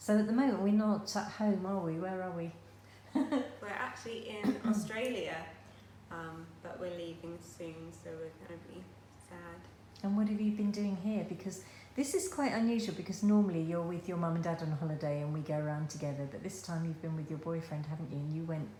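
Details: Adult woman speaking; normal speech.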